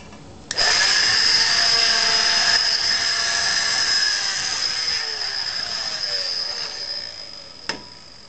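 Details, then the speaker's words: Oscillating cast saw trimming an excess piece off a removed foot/ankle cast boot, off the subject; steady high-pitched whining buzz running several seconds then stopping. "okay so that's removed it I'm going to trim off this excess piece of cast here and then we're going to put the boot back on the subject"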